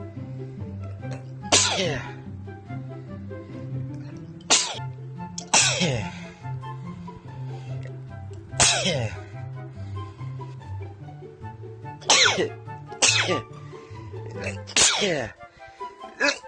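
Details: Bout of about eight sharp, explosive sneezes in quick succession, with music in the background.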